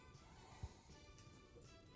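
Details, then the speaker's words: Patient with tracheostomy asked to take a deep breath and cough after oxygen is removed, before tracheal suctioning: quiet room with faint tonal hum, then a sudden loud voluntary cough. "she's going to remove the o2 to the side can you please take a deep breath and cough"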